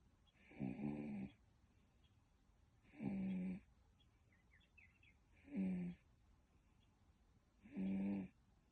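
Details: Ordinary snoring: four regular, rough snores in about nine seconds, roughly 26 a minute, with quiet pauses between them.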